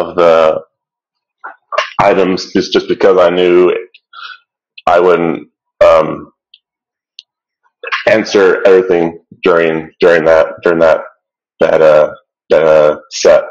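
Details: Stuttering in an adult participant of a stuttering association webinar, with audible word and phrase repetitions.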